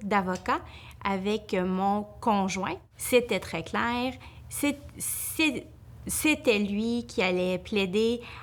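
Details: Speech of an adult woman who stutters, working as a lawyer; she says her stuttering increases greatly when she is nervous; stuttering.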